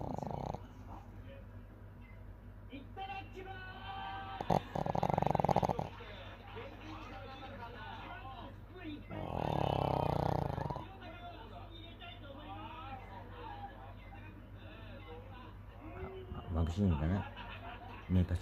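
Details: Pet dog Koro snoring while sleeping peacefully: a few low, rumbling snores against quiet room noise and faint voices.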